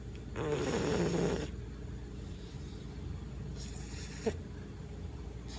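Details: One loud, rattling snore, then a softer snorting breath and a short snort from a sleeping bully-breed dog; snoring typical of a flat-faced dog.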